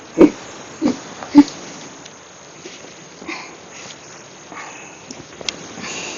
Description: The Violent, Little More Loud, Silent, Minute Hiccups lasted 2 Hours and 28 Minutes for 6/16/19 after drinking 1 cup of soda after Dinner.